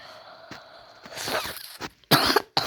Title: Don't mind the coughing.ima lil sick